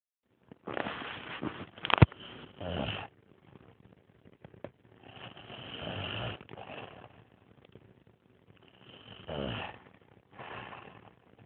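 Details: Adult man, described as Asian, snoring loudly during sleep: rough, rattling breaths in bursts with quiet pauses between them in a quiet room.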